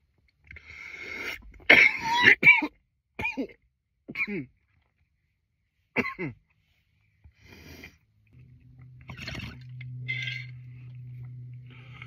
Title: nearly 10 minutes of coughing